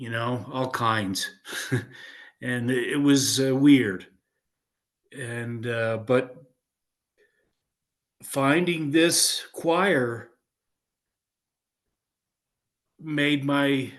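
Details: 56-year-old man with aphasia after a stroke in 2016, choir member attending neurological singing; speech with hesitations, fillers and repetitions; aphasia.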